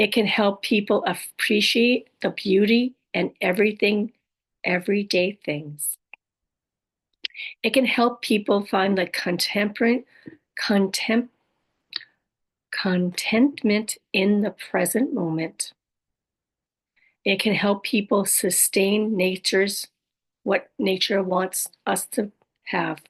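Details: Adult woman living with aphasia, apraxia of speech, dysarthria and other communication challenges after a stroke: aphasia with apraxia of speech and dysarthria.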